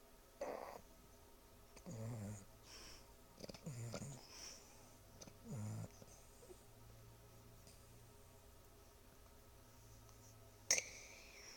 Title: Pumba snores